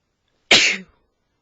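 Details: Man sneezing during an allergy flare: a single sharp, hissing burst of air with a brief voiced tail.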